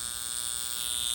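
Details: High frequency facial device with electrode inserted, dial set to about 2.5 of 5 and switched on: a steady, high-pitched electrical buzz with a faint hum.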